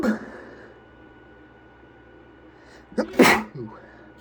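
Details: A male gives a short sniff, then one sharp, explosive sneeze with a breathy tail in a quiet room; a sneeze.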